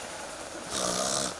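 A single loud, buzzing snore-like inhalation, performed as an imitation of heavy snoring.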